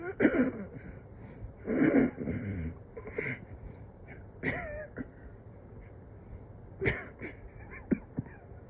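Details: Repeated weak, breathy coughs with strained breaths and catches between them; person struggling for days to get consistent deep breaths though oxygen looks almost decent; cough with shortness of breath.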